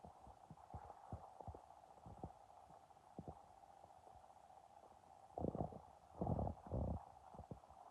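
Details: Low gurgling and rumbling abdominal noises with louder bursts near the end; ordinary stomach growling on an empty, hungry stomach.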